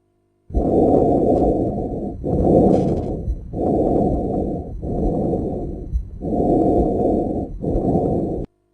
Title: Auscultation réspiratoire